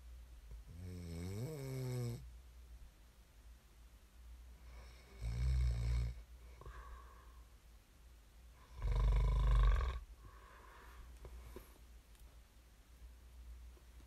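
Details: Snoring ASMR recording meant to aid sleep: three loud, low, rumbling snores on inhalation, a few seconds apart with quiet breathing between; snoring in sleep.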